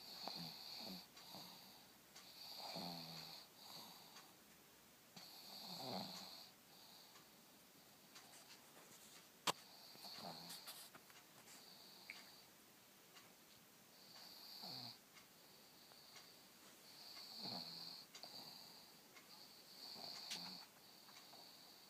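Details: Repeated snorting, snore-like stertor, about eight breaths in twenty seconds, from a wide-awake pet pug on a lazy Sunday.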